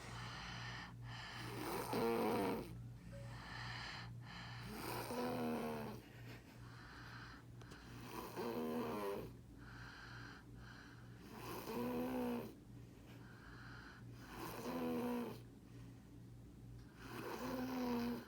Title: Snore fest